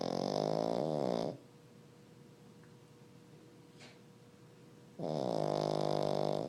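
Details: Two loud, buzzing, voiced snores separated by a quiet pause of a few seconds; a plain snore.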